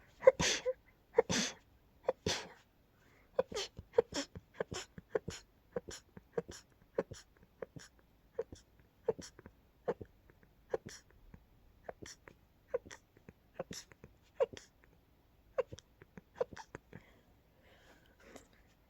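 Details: Sneezing fit after dusting with an open window while a neighbor mowed the lawn, attributed to pollen and dust: three louder sneezes, then about twenty rapid, quiet, stifled sneezes in fifteen seconds.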